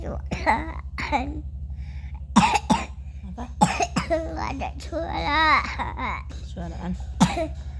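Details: Young child coughing, which worried the mother, though the child was active and playing again by afternoon: several coughs between bits of speech and vocal sounds over a steady low room hum.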